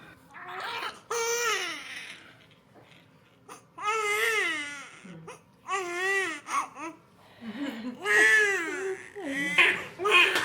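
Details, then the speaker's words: Newborn boy's first cry just after unmedicated vaginal delivery, baby startled but well: strong, clear, rhythmic, vigorous normal crying. "So, he's just a bit startled, but he's doing perfect."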